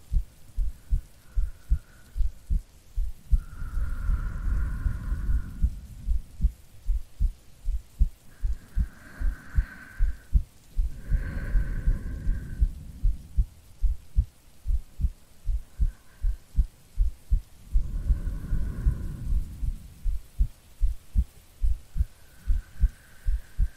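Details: Simulated sleepy girlfriend ASMR heartbeat recording: a steady thudding heartbeat of about 75 a minute with slow breathing sounds over falling rain, an ordinary resting heartbeat.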